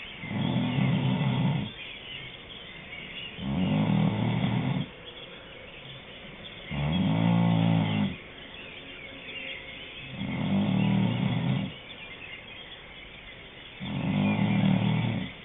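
Loud, rattling snores on each in-breath, about 17 breaths a minute, with quieter out-breaths between; heavy snoring.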